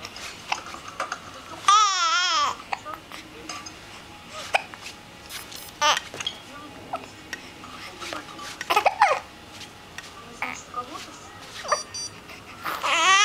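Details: Baby's hiccups: short sharp catches repeating irregularly among baby babbling and squeals; infant hiccups.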